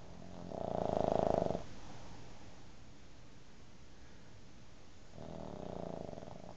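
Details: Pug dog sleeping on a bed and dreaming: rattling, fluttering snores on two breaths, separated by quiet breathing; snoring.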